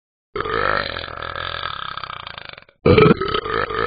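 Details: Dog belching: one long, drawn-out belch lasting over two seconds, then a shorter, louder burp; frequent burping.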